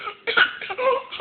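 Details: Young boy laughs so hard that his burst of laughter runs into a short cough: cough after laughter.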